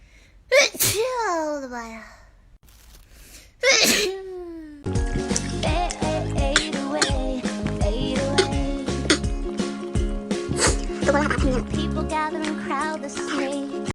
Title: Beautiful asian girl sneeze compilation